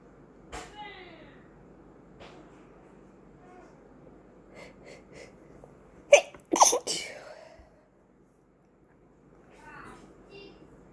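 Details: Person with oncoming cold and plugged ears: quick pair of loud explosive sneezes after quieter sounds in a small room; some sneezes sound oddly high-pitched; sneezing.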